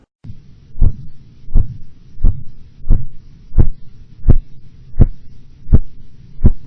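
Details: Phase 2 Korotkoff sounds during blood pressure cuff deflation: regular tapping beats at about 85 a minute with a soft swishing murmur between them.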